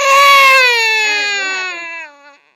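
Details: A baby nephew, recorded with a MacBook, bursts into crying on seeing his own reflection: one loud, clear, high-pitched wail that slowly drops in pitch and fades; a strong ordinary baby cry.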